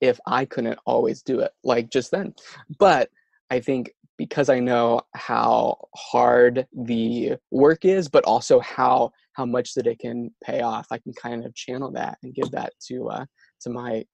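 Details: Adult male who stutters and says his words and syllables get stuck; stuttering.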